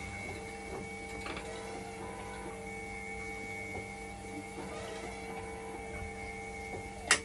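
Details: Hemodialysis machine run in dialysis mode to test a failing 5-volt level detector: steady mechanical hum with faint whine tones and occasional soft clicks.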